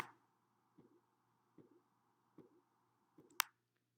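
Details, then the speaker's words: Regular soft thumps with a brief trailing swish, a squashing murmur-like sound, about 75 a minute during blood pressure measurement, following high-pitched phase 1; phase 2 Korotkoff sounds. "Here you will hear a squashing sound. It means like a murmur, and this is the second Korotkoff sound."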